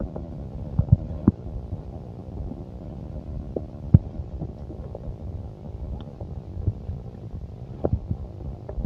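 Low gurgling rumbles with irregular bubbling pops throughout, typical of ordinary stomach growling as gas and fluid move through the gut.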